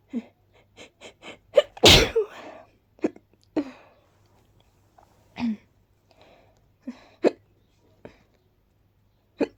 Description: I'm soooo allergic to pollennn 😩😫 and the hiccups are not helping 🤦‍♀️